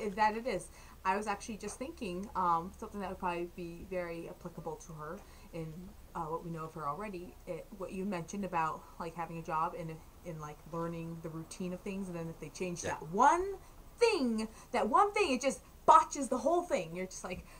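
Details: Adult woman; normal speech.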